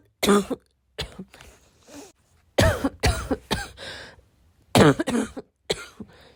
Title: this cough kept me awake last night